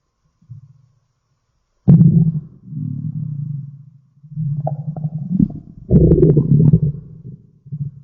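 Loud gurgling, rumbling growls in irregular bursts with short pauses; ordinary stomach growling from gas and fluid moving through the gut.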